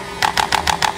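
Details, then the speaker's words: Chiropractic adjusting gun (activator) applied to the sole of the foot to treat plantar fasciitis/plantar heel pain: five sharp, evenly spaced mechanical clicks about every 0.15 seconds. "तो यह हमारी कारो पैटिक gun के साथ होने वाली adjustment है"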